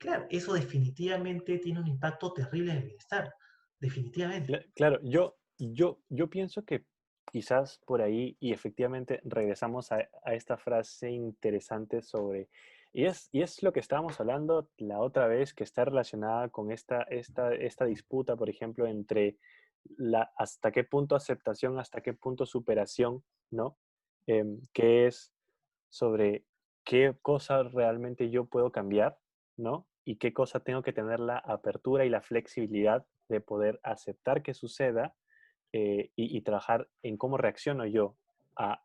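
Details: Spanish-speaking person who stutters, in a conversation between two people who stutter. Stuttering.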